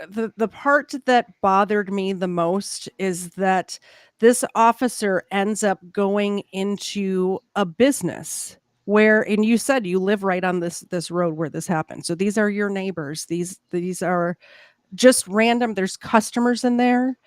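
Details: Adult speaker in conversation; ordinary speech.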